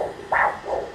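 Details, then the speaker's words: Doppler ultrasound of the brachial artery during a pre-AV fistula vascular assessment: a normal triphasic arterial signal with peak systolic velocity around 50, heard as a sharp strong pulsatile whoosh followed by a softer second sound. "there are triphasic flow with the peak systolic velocity of around 50"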